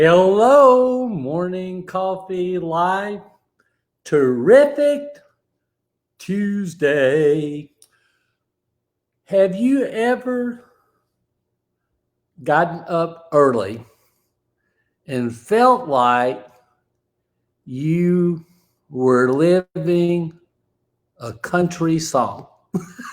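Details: Man with aphasia after a stroke, speaking in a live-stream monologue: aphasia.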